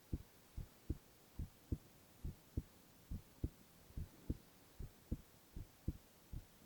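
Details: Male ASMR recording of heart sounds only, no talking: steady paired lub-dub heartbeats at about 72 beats a minute over a faint hum, regular rhythm; normal heart sounds.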